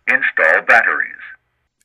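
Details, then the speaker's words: ZOLL AED Plus gives a clear synthetic voice prompt during battery installation at setup. "and when you complete the installation the AED will tell you if new batteries press button when you push the button inside the battery compartment the the AED will react immediately telling you to plug in the electrode pad cable plug in cable"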